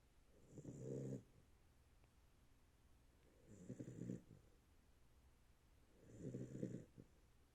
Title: They puppy is snoring!